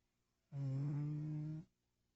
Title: Mr. kitty snoring